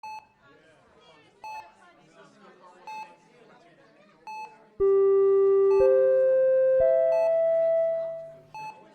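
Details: Intensive care unit ambience: regular single patient monitor beeps about every 1.5 seconds, interrupted by a rising three-tone alarm, over soft room chatter.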